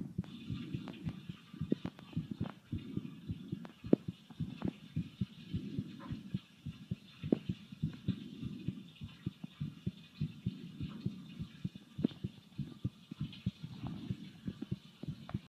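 Steady, fairly quick low thumping of an adult heartbeat, with scattered clicks and rustle over it.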